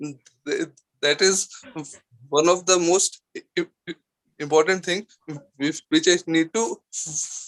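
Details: Adult man with stuttering (stammering) since childhood; he had therapy in 2010 and still wants to overcome it.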